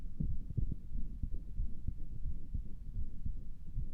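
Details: Person listening to their own heart with a stethoscope, who thought it sounded weird and asks if it is a murmur: low, muffled heartbeat thumps with some rumble; no clear murmur picked out.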